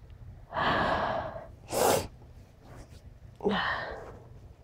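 A drawn-in breath, then a sharp explosive sneeze, followed by another breathy sneeze-like burst; repeated sneezing.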